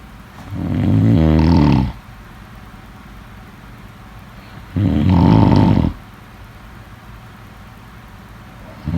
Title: #snoring #sleepnoises #sleepsounds #snoringsleepingsoundeffect #snoringsounds